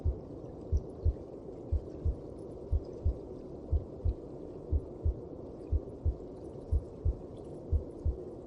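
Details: Regular paired heart thumps at about 60 a minute, muffled under a steady whooshing hum: a heartbeat heard through the mother's belly.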